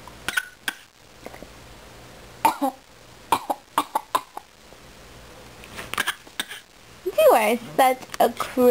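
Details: Baby deliberately pretend coughing while babbling: several short, light, cough-like bursts mixed with baby babble; a playful voluntary fake cough, not an illness cough.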